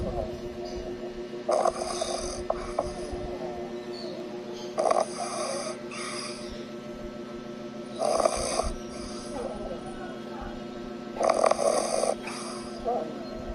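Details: Dog snoring while asleep and dreaming: four rough snoring bursts roughly every three seconds over a low steady hum.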